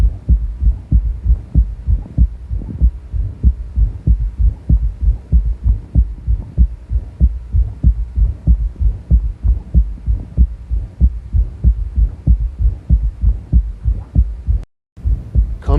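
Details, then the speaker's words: Third heart sound (S3 gallop) in a more typical example, heard over the axilla at the displaced apex, suggesting a very dilated chamber; exertion accentuates S3. A squeaky systolic murmur fades and returns. "so if you think you hear it it should be loud enough then so that you can be sure now let's listen to a more typical example"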